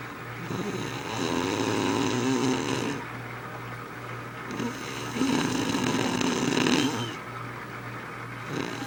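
Loud, rough, rattling snores on each breath in, about two in ten seconds, with quieter breaths out between them.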